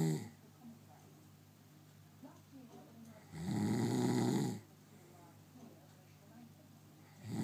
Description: snoring :-)